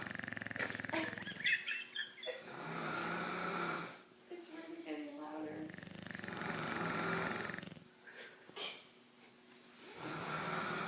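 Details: A man and a dog snoring together: loud, rough snoring breaths about every four seconds, with a second snorer overlapping; ordinary snoring.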